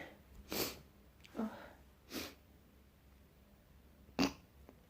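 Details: Person with a little cold waking with a nose tickle: four short, sharp sneezes over about five seconds in a quiet morning room; sneezing.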